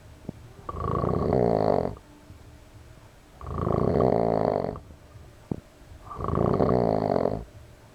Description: huset vaknar när polarn snarkar